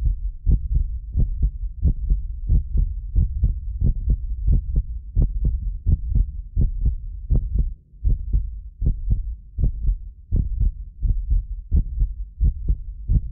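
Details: Normal adult heartbeat of a medically fit person, recorded with sensitive precision contact microphones: steady low thumps at about 85 beats per minute, with occasional double clicks from a delay between multiple microphones.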